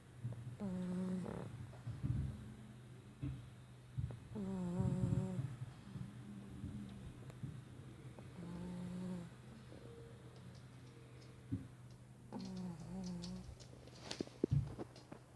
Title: Fuglet the pug snoring on my work case